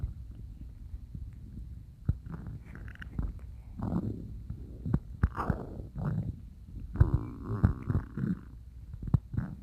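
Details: Woken by stomach growling: low gurgling, squeaky rumbles and bubbling pops from the belly; ordinary borborygmi.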